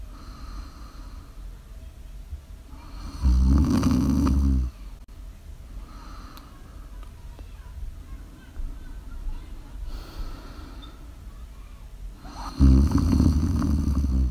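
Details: Live-streamed ASMR sleep snoring: two loud, low, rattling snores about nine seconds apart over quiet breathing and steady room noise; snoring.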